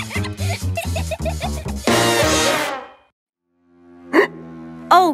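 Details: Cartoon (Masha and the Bear), acted hiccups: cartoon music and voice, then a pause and two sharp, abrupt voiced catches; hold-your-breath remedy scene.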